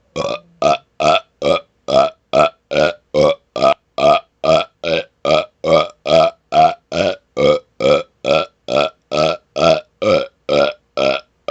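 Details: About 27 short, voiced burps fired off in under twelve seconds, roughly two per second, in a steady rapid run; deliberate rapid-fire repeated belching.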